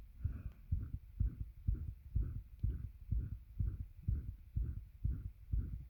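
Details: Self-recorded heartbeat with a bed pressing on the chest, causing heavy breathing and attempted breath holds: regular, strong low thumps at about 125 a minute against a faint hum; a fast but steady heartbeat.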